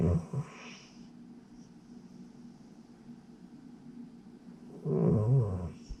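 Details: Low rattling snores, separated by a few quiet seconds of breathing, from a cat sleeping in an awkward position; the owner wonders if he is having a nightmare. Snoring.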